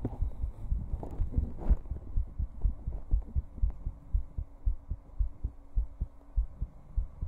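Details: Heartbeat: regular low thumping at about 120 beats a minute with faint early background noise; fast but steady.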